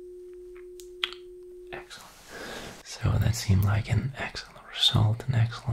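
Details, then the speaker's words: Simulated Weber test in an ASMR cranial nerve exam roleplay: a struck tuning fork is placed on the forehead and gives a steady pure hum, followed by soft whispered and spoken voice asking if the tone is heard equally in both ears. "so again I'll be striking the tuning fork this time I'll be placing it on your forehead like so and you'll just let me know if you can hear the sound"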